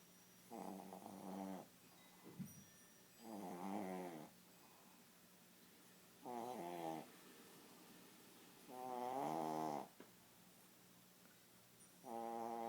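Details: Snoring during sleep: regular nasal snores with a buzzing, fluttering tone, about 21 breaths a minute, in a quiet room.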